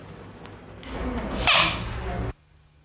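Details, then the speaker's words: A child with Tourette syndrome builds into a sudden, loud, high-pitched vocal burst after trying to hold it in, then abruptly stops, with faint room noise; vocal tic. "in the end the tick has to come out and when it does it's really loud"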